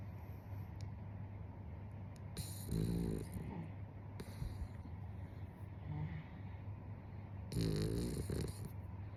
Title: Snoring Dog